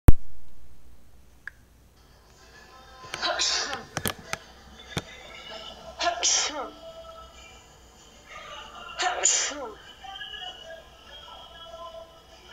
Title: Sneezes fit work